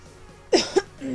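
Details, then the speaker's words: Adult coughs twice in short, sharp bursts over soft background music, with a throat that is "not working" while recording voiceover; cough. "i'm at 11 minutes you can hear me cough it's fine"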